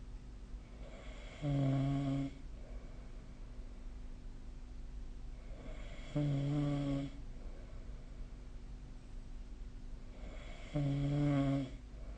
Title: 🐽 いびきの音 / Snoring Sleep Sound 2025/05/21